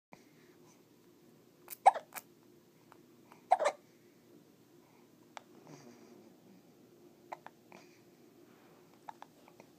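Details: Hiccups in a baby while finger sucking: soft, brief clicking hiccups at irregular intervals, a few every several seconds, over quiet room noise.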